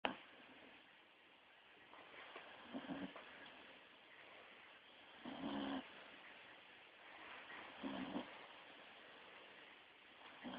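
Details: Staffy dog asleep, snoring with quiet, rough breaths about every two to three seconds over steady background hiss; owner says this is quieter than usual: snoring.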